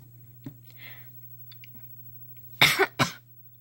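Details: Person who says they think they are sick, with an affected voice: two sharp, harsh cough bursts after quiet room noise with faint clicks.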